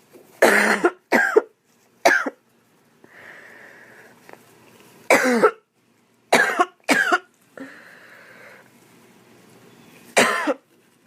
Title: Girl coughing 197